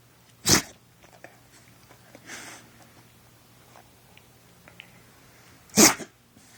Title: poor thing she kept sneezing